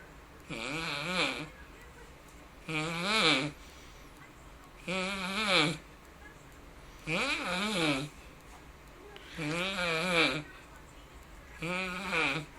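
Loud, voiced, groaning snores about every two seconds, each with a rising and falling pitch: heavy snoring.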